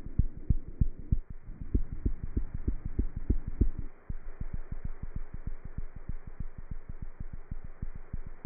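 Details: Cat's heartbeat heard through a stethoscope: rapid, regular low thumps at about 190 beats a minute with a faint steady hum behind.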